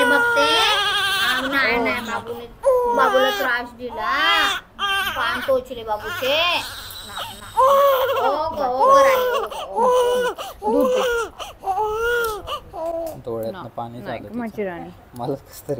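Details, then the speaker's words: Baby girl crying just after her ear piercing: loud, repeated infant crying in bursts with sobbing pauses while an adult soothes her; ordinary crying after a brief painful procedure. "रडले की control होत नाही कोणालाच आजींना पण control नाही होत रडले की आवडत नाही आम्हालाच कसतरी वाटतं"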